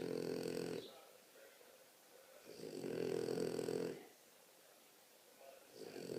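Loud, rattling snores on each breath in, about 20 a minute, with quiet breathing out between them; snoring.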